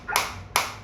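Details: Focused shockwave therapy applicator with intensity being raised, and frequency automatically dropped from 180 to 150: two sharp snapping clicks about half a second apart.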